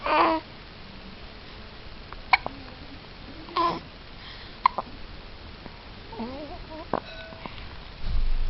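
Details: Short, abrupt little clicks and catches at irregular intervals against room hiss, with brief infant vocal sounds; a baby's hiccups.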